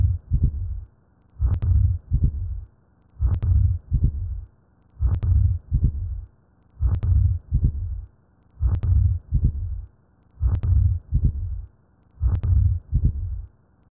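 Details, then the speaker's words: Simulated heart sounds in atrial septal defect: an ejection systolic murmur after the first sound, then a split second sound from delayed pulmonary valve closure due to increased right ventricular flow. "Seripa sa bobedi sa modumo wa pelo ya S2 se tšweletšwa ke go diega ga go tswalelwa ga valve ya maswafo."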